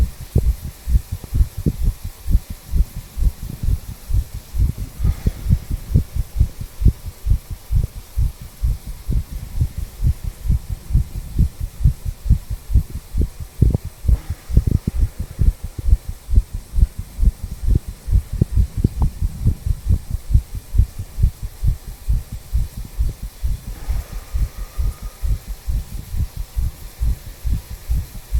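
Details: 34-year-old male, tricuspid valve area: steady, regular low lub-dub heart sounds with no murmur; normal heart sounds.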